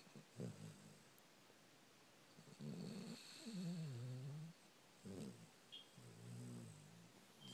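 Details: Sleeping dog gives loud, rattling, low-pitched snores in irregular bursts separated by quiet pauses; snoring.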